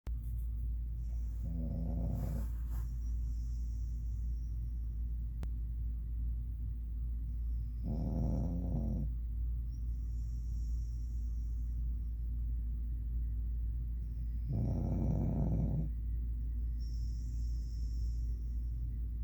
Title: Smoochies Snoring